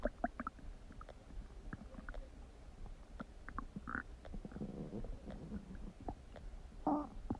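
Irregular gurgles, squelches and low rumbling bursts from the abdomen, some brief and sharp, others longer and bubbling: loud stomach rumbling, borborygmi.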